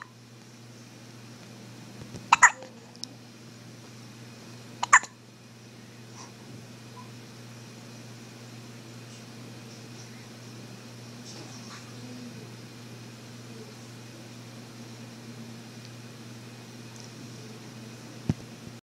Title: 3-4-14 has the hiccups